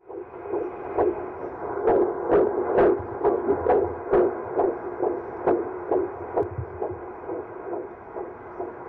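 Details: Live fetal heartbeat from a real pregnant woman's ultrasound, amplified outdoors at a street demonstration: rapid, regular whooshing pulses at about 130 beats a minute, a normal rate.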